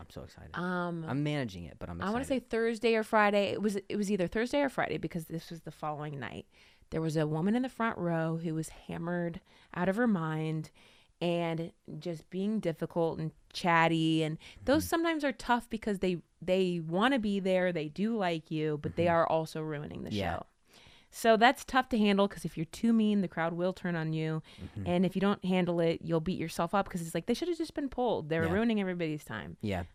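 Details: Adult woman speaking; typical speech.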